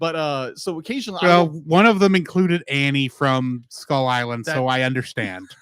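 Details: Adult male speaker; plain speech.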